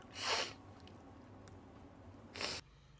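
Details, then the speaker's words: Young Japanese woman on a livestream, just woken and half-asleep, with hay fever and nasal inflammation, gives two sharp, hissing sneezes in a quiet room. "もう寝起き状態でもう半寝でやってたごめん、くしゃみしちゃったごめん"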